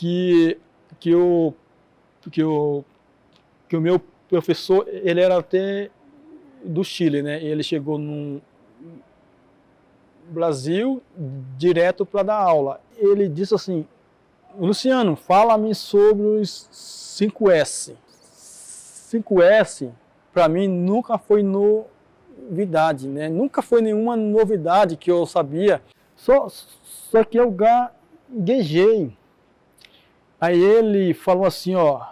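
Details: Stuttering in an adult man whose father also stuttered; word repetitions heard.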